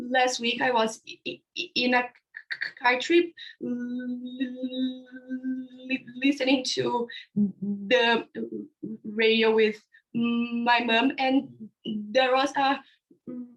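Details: Young man from India describing his own stuttering (stammering) on a live panel of young people who stutter; stuttering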